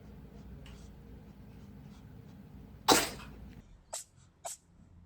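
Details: Cat sneezing: one sharp, explosive sneeze over a quiet background, followed by two small snorting sniffs; a typical sneeze.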